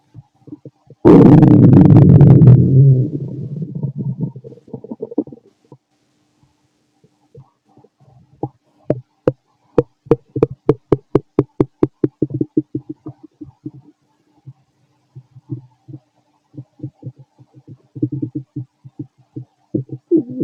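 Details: Fit male, stomach growling while digesting: a very loud deep gurgling rumble, then runs of rapid bubbling pops; loud normal borborygmi.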